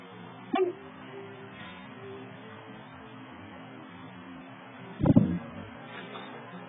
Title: with hiccups again part 1 of 2!